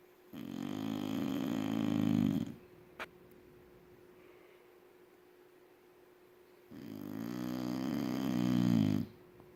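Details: Two long, low, rattling snores about two seconds each with quiet breathing between; ordinary snoring.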